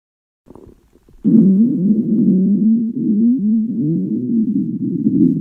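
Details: Stomach growling from hunger in girls: a couple of soft taps, then a loud, sustained low gurgling rumble that wavers in pitch for several seconds.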